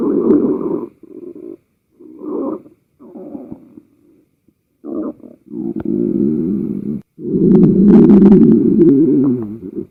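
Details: Compilation of one person's own stomach noises, sound only: loud gurgling, rumbling and squeaky bursts from the belly, some long and wavering; ordinary stomach growling (borborygmi).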